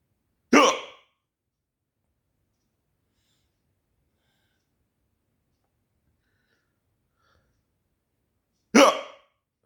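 Two short, sharp involuntary hiccup sounds about eight seconds apart in a quiet room.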